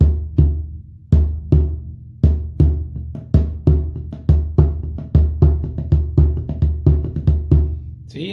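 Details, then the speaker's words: Snare-drum imitation, not a real heart: fast triple-beat cadence like a galloping horse, as in an accelerated heart in heart failure; gallop rhythm, called an urgent sign. "Si esto sucede rápido en un corazón que está acelerado, por ejemplo en una insuficiencia cardíaca, lo que se va a denominar, va a pasar a llamarse como un galope, una cadencia de galope. Se lo escucha con el estetoscopio realmente como un caballo galopando."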